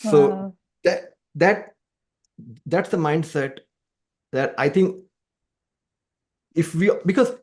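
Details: Adult man who stammers, speaking conversationally in a podcast interview; he says music has helped his stammering; stuttering (stammering).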